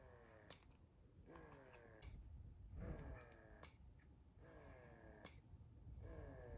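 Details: New mother using an electric breast pump for the first time because of milk leakage: a repeating suction cycle of rising squeaky tones and clicks about every 0.8 seconds.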